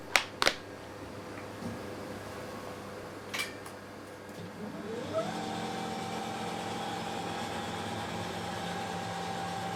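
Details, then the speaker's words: A few sharp clicks, then a rising tone settling into a steady hum and whine as a radiotherapy machine starts a cancer treatment session on a masked patient. "Voilà, on débute le traitement."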